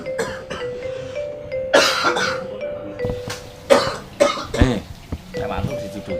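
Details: Staged coughing in an Indonesian public-service ad on cough and sneeze etiquette: several short, forceful coughs and throat clearing over light mallet-percussion music.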